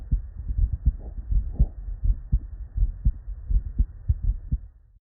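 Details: Real, unedited bedside auscultation of a human heart with normal cardiac physiology: steady paired lub-dub beats about 80 a minute with no extra sounds between, normal first and second heart sounds (S1 and S2).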